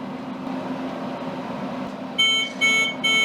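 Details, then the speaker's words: Tecotherm Neo neonatal cooling machine fallback-mode alarm from a rectal probe temperature problem, training demonstration: steady hum then loud high repeated electronic beeps in bursts. "if I press continue we will see the fallback mode is alerted to us here we need to then correct this problem by either changing the rectal probe or reinserting"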